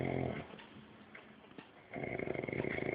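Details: Low, rattling breathing sound from a man who says he doesn't snore, a pause, then the rough vibrating noise returns; snoring.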